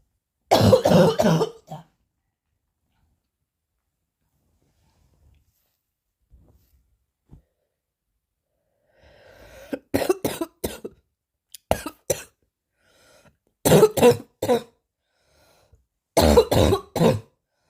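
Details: Four bursts of forceful, harsh coughing, each a run of three to five coughs, separated by quiet pauses and faint breaths: hard coughing.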